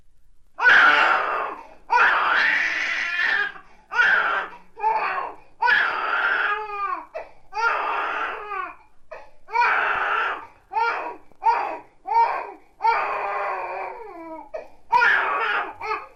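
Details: Crying of a young infant from hunger, described as the most commonly recurring crisis of young infants and quickly cured by feeding; normal infant hunger cry.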